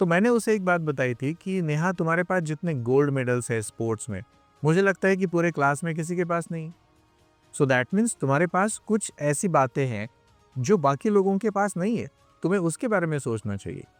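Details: Adult man speaking Hindi; ordinary speech.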